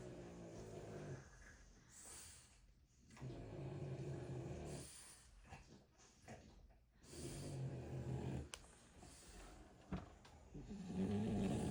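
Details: Sleeping French bulldog puppies with soft, rumbling, uneven snores repeating every few seconds, faint snorts and some room noise; snoring.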